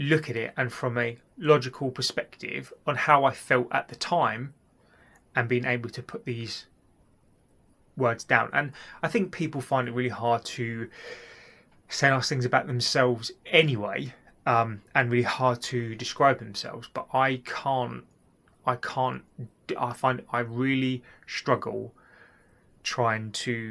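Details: Adult man with stuttering (stammer) since childhood, addressed with cognitive behaviour therapy.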